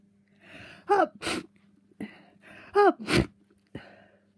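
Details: Someone with a cold and a very blocked nose who is coughing and sneezing: two rounds of a sharp breath in followed by explosive bursts, like coughs or sneezes.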